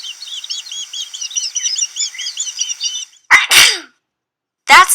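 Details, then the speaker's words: Sneeze sound illustrating springtime pollen allergy, runny itchy noses making people sneeze, "ah-choo": sneeze. "sound of someone sneezing in spring many people get runny itchy noses and they ah ah-choo in spring there is a lot of pollen and pollen makes many people sneeze"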